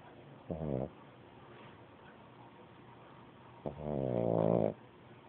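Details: Two vibrating, slightly groaning snores about three seconds apart, the second longer and louder, from a sleeping pug puppy; snoring.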